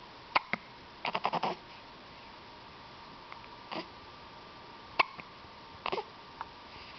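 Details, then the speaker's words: Person with hiccups: several brief, sharp catches, some in a quick cluster, over quiet room noise; hiccups. "Did you get the hiccups?"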